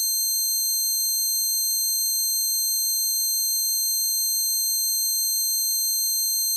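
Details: Steady high-pitched ringing tones with a faint warble, a simulation of one person's tinnitus, which began after standing beside an amp at a concert and persisted for years.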